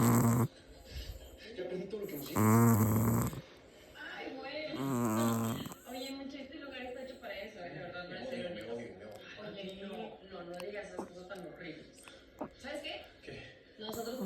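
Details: Tiny dog: loud, rough, rattling breaths repeating at about 25 a minute, with some voices in the background; snoring.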